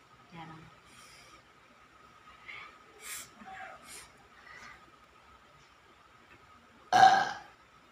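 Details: Woman being massaged with oil while discussing stomach ache and masuk angin: soft vocal sounds and quiet room noise, then one loud, abrupt burp near the end.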